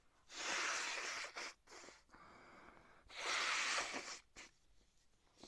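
Two loud, forceful bursts of noisy air about three seconds apart with quieter breathing between, consistent with sneezing.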